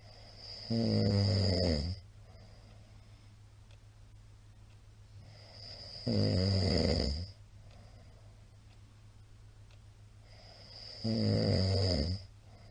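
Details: Heavy snoring from a sleeping middle-aged man, recorded 28 March 2022: loud, rattling snores on each in-breath, about 12 breaths a minute, with quiet breathing between.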